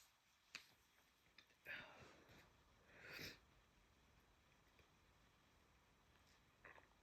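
Wet sniffs and two or three short sneeze-like bursts in a quiet room, typical of nasal congestion with a cold.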